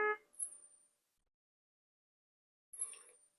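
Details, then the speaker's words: Puritan Bennett 980 ventilator in spontaneous (breathing-trial) mode, demonstrated by a person breathing on it: two short high-pitched alarm tones separated by silence, low tidal volume alarm for breaths not large enough. "it's alarming and telling me that I'm not taking large enough breaths."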